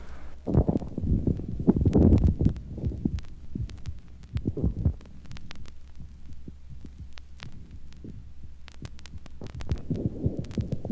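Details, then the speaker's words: 1955 recording, heart with diseased, small stroke output compensated by rapid rate: fast, even heart sounds with first and second sounds indistinguishable, machine-gun rhythm; tachycardia with embryocardia in rheumatic carditis. "the heart sounds here resemble a machine-gun and it is impossible to differentiate the first to sound of each heartbeat from the second sound"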